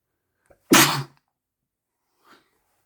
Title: Tickling my nose and sneezing into a handkerchief